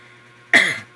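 A single short, harsh cough burst after quiet room hum.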